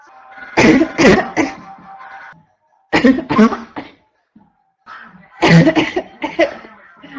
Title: constant barking cough 1 (f)